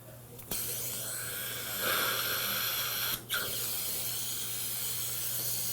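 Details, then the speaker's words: High-pitched whine of a dental drill running steadily, with brief stop and restart, over water spray hiss: flame-shaped finishing burr shaping embrasures of a filling near the gingival seat. "I like to use these flame shape burrs when I'm doing my embrasures, like especially at the gingival seat."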